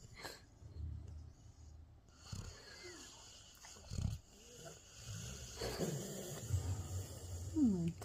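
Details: Sleeping pit bull snoring: deep, rumbling snores with a throaty rasp in uneven bursts.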